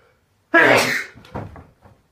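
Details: Sneeze: a single loud, explosive sneeze with a sharp burst of air, followed by a quieter trailing sound.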